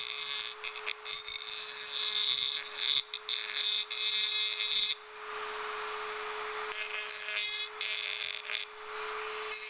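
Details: Steady high-pitched whine of a dental drill, rising and falling in loudness as it starts, stops and grinds in short bursts; ASMR dental drilling recording, no talking.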